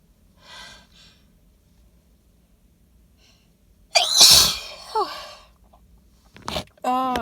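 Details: Adult sneezing into cupped hands after sniffing pollen-loaded flowers, in a car; sneezer suspects allergy or sensitivity. Quiet breaths, then one forceful wet spraying sneeze, a gasp and a short vocal sound; sneezing.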